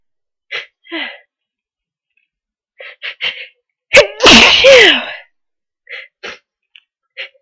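Short sniffing breaths build to one forceful, explosive sneeze with a voiced cry, then quiet sniffs; a strong ordinary sneeze.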